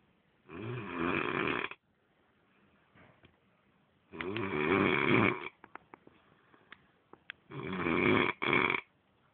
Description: he snores like hell which doesnt let me sleep,he s my room mate